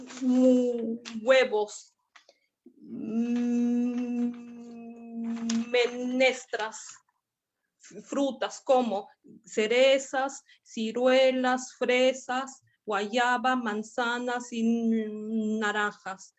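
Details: Argentine man, a first-time member of a Spanish-language stuttering practice group, giving an unprepared talk because he is having trouble with spontaneous speech; stuttering.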